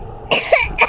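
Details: Short cough in two bursts from a child who is not feeling well, with quiet room noise before it.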